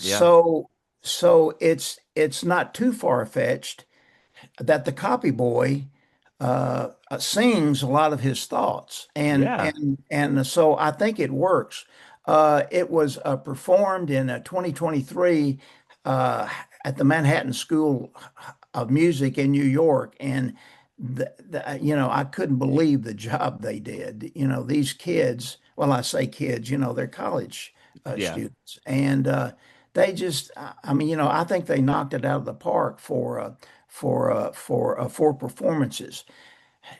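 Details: Man who still stutters, describing blocks, poor airflow, some repetitions and prolongations, and saying he no longer pays attention to it; stuttering.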